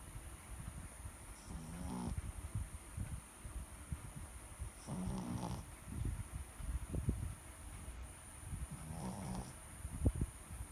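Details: Sleeping Shih Tzu dog: soft, low snuffling snores roughly every three to four seconds, with steady background hiss; snoring.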